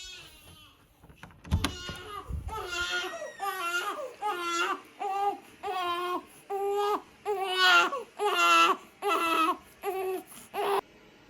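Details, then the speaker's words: A 3-week-old baby boy crying in his sleep or a lighter sleep state, eyes still closed; after early fussing, rhythmic wails at about one cry a second. "Sometimes they'll wake up, but like their eyes are literally still closed, so they're not actually up. They're just like crying in their sleep or in like a lighter state of sleep."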